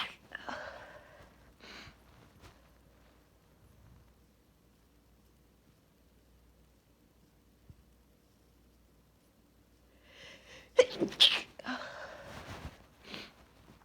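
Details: Female with allergies on a high pollen count day stifling huge sneezes: several muffled, held-in sneeze bursts, a long quiet stretch, then a cluster of louder stifled sneezes until she can no longer hold them.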